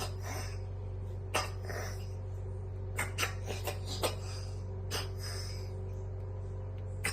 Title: Cat reverse sneezing